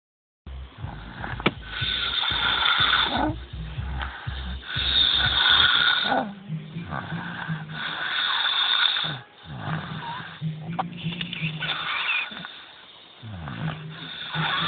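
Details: Adult male snoring: loud, rattling snores one after another, each ending with a rough, throaty breath in between; heavy snoring.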